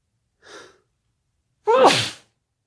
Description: It was a bit of a sneezy day today